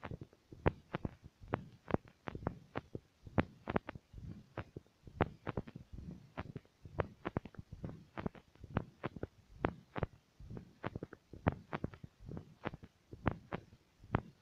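Quick, muffled thumps through a stethoscope, somewhat irregular, with low rumbling handling noise; an ordinary heartbeat.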